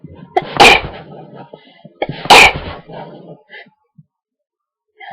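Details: Induced sneezing fit: two sharp, explosive sneezes in quick succession, each after a brief intake of breath; build-ups poorly picked up by the mic.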